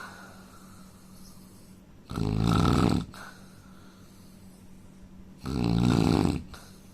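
Two loud, rough, rattling snores about three seconds apart, with quiet breathing and steady room hum between them. Ordinary snoring.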